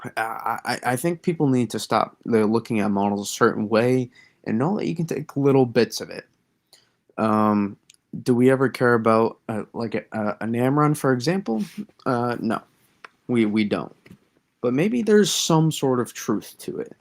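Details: Stuttering in an adult man who says he has always stuttered and that it worsens when discussing certain topics; part-word and whole-word repetitions.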